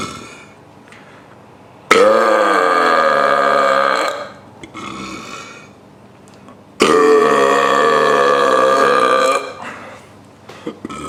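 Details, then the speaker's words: Deliberately produced burps, made by swallowing air into the stomach and letting it out: two long, loud voiced burps, each about two seconds, separated by quiet room noise; burping. "step one take air to your throat to your stomach step 2 let it out for best results stand up it will be easier for the air to pass follow"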